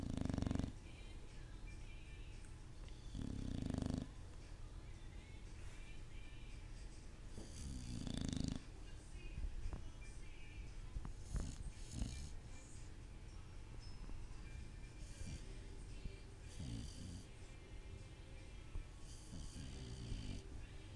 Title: Sugar snoring